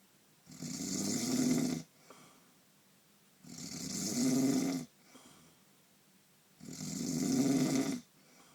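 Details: Loud, regular rasping snores on each in-breath, about 20 a minute with quiet pauses, during a painful night's sleep.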